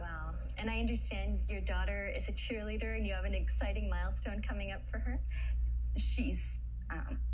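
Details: Adult woman speaking, interviewer; typical speech.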